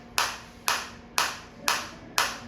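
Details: Biotronix focused (not radial) shockwave therapy applicator, depth levels 1–5 adjustable: five sharp, evenly spaced snapping pulses, about two a second, fading quickly, over a low steady hum.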